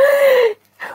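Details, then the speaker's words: Snoring from a sleeping dog: a high, whistling, slightly falling breath sound, then a short pause before the next breath. "so my dogs wouldn't get unconscious behind looking you here I'm snowing I thought that was you passing gas"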